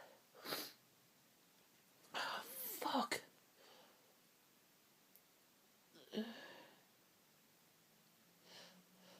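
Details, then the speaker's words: Sneezing fit with build-ups, false starts, stuck and stifled sneezes, sniffles and streaming eyes: several stifled and half-held sneezes with build-up breaths and sniffs in a quiet room. "I just need to sneeze. God, they feel so good. Bend me in half, and there's a power of them, and they make my head spin."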